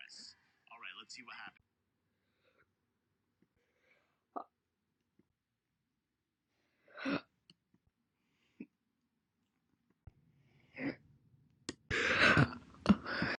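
Quiet room with a few brief, isolated, abrupt catching sounds, separate single hiccups, and a louder burst near the end.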